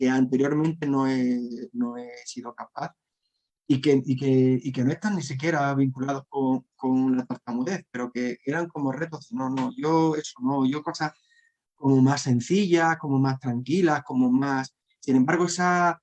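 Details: Adult man who has stuttered since childhood and struggled to hide it, now a storyteller; stuttering.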